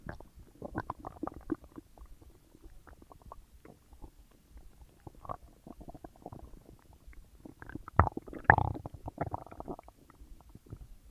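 Frequent gurgling, bubbling rumbles from the belly with a louder burst of rumbling partway through; active digestion sounds.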